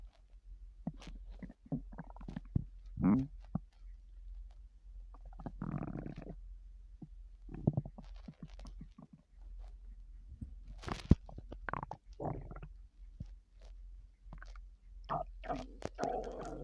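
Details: Loud stomach noises: loud, irregular gurgling and rumbling from the stomach, borborygmi.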